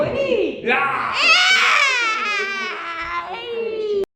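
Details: Infant crying: a baby cries loudly in sustained, high-pitched wails rising and falling over about four seconds.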